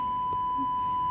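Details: Steady high electronic tone of a Mediana defibrillator/monitor charging to the selected energy level after pads are placed, before shock delivery, in an ICU nurse demonstration.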